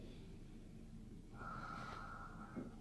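Low, rough snorting breath sounds with a brief whistling tone mid-breath, against steady room noise; snoring from a sleeping adult.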